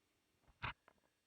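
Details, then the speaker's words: Old cat in palliative care, vet booked for euthanasia, with broken jaw bones grating every time he eats: one brief gritty crunch and a few faint clicks in a quiet room; jaw crepitus. "c-r-e-p-i-t-u-s It's the sound of broken bones grating against each other and that's what happens every time he eats"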